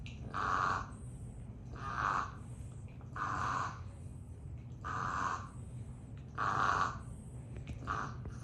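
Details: Rhythmic, rough nasal snorting snores, six in about eight seconds, from a sleeping French bulldog puppy; snoring.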